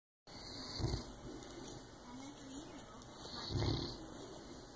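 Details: Snoring during sleep: two low, rumbling snorts about three seconds apart, each on an in-breath, with soft whistling between them over faint room hiss.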